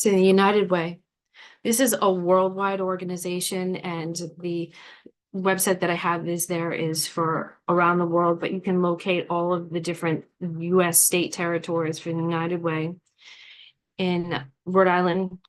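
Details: Adult woman speaking; Normal speech.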